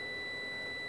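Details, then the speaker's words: Steady high-pitched electronic laser firing tone over low room hum as the laser is slowly pulled back during endovenous laser ablation (EVLT) of the great saphenous vein. "as we get close to the end what I'm going to do is I'm going to tap the laser three times so we get good coagulation which minimizes the bruising"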